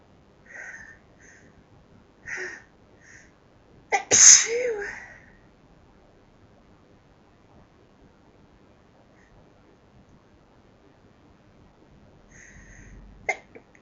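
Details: Self-recorded sneezing bout: a few soft, half-stifled sneezes, then one loud full sneeze and another short sneeze near the end; ordinary repeated sneezes.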